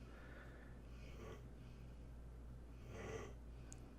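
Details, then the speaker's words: Dog sleeping in the room: two soft, rasping snore breaths over a steady low room hum; dog snoring. "you can hear my dog snoring now"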